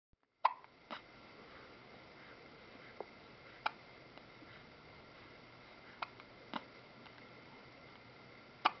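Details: Child in a frog outfit with hiccups: soft, abrupt little catches recurring irregularly, roughly eight in nine seconds, against a steady background hiss; typical hiccups.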